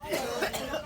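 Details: A child, reportedly coughing from an itchy throat, gives a brief run of short, dry-sounding coughs in under a second.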